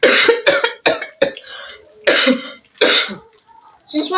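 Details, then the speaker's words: Mother faking a cough as a prank on her daughters: a run of short, forceful feigned coughs with throat-clearing sounds. "thank you I was actually Cofe I just prank you people"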